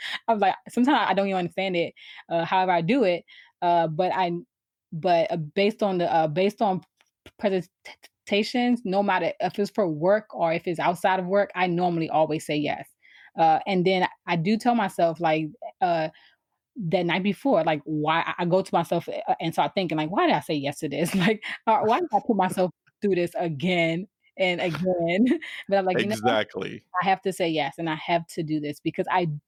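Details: Adult woman who has stuttered since she began to speak, around age 4 or 5, with trouble starting words and repeated, revised phrases: stuttering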